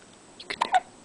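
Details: Six-day-old baby girl, asleep after a big feed, hiccupping: a few short, soft catching sounds close together in a quiet room.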